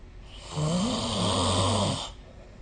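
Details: Snoring recorded with the SnoreLab phone app: a single long, low rattling snore lasting about 1.5 seconds, with a wavering rough pitch, rising from and fading back into quiet room noise.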